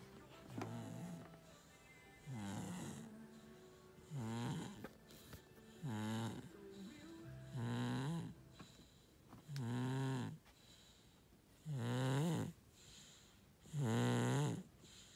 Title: Enzo Snoring